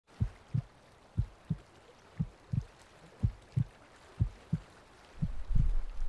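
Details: Heartbeat sound in a scary forest ambience mix with thunder and rain: steady paired low thumps about 60 a minute, rain-like noise rising at the end; regular heartbeat.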